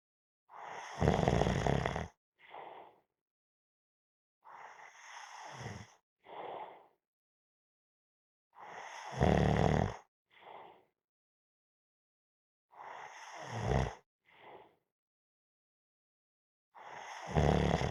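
Deep rumbling inhaled snores with short puffing exhales, about seven breaths a minute, with silent pauses between; ordinary snoring.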